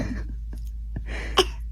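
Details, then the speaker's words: Toddler fake-coughing to get medicine, denying headache, bellyache or sore throat: a few short, forced cough-like bursts, a deliberate, put-on cough rather than a real one. "It doesn't sound like a real cough to me, though."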